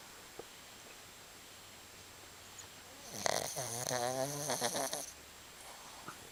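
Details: Sleeping Shih Tzu: a single rattling, fluttering snore on an in-breath in a quiet room; snoring.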